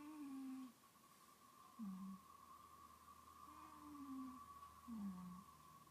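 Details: A cat snoring.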